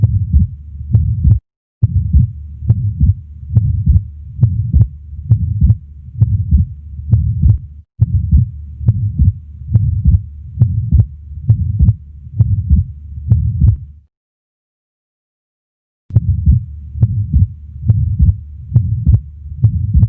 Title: ATRIAL SEPTAL DEFECT - LEFT BASE | HEART SOUNDS | AUSCULTATION | MURMUR